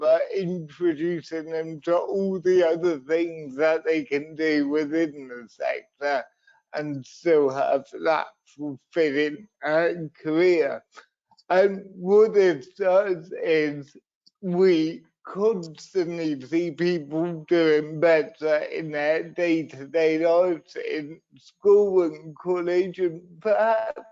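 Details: Adult man with cerebral palsy, a brain injury sustained through an accident at birth, which he says also leaves him wobbly and unsteady on his feet; dysarthria (cerebral palsy).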